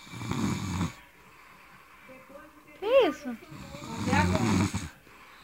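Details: Snoring: two long, low rattling breaths, with a brief higher whining sound between them.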